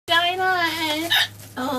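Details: Female speaker talking: a drawn-out voiced sound cut off by an abrupt, sharp hiccup, then brief voicing resumes; hiccups interrupting speech.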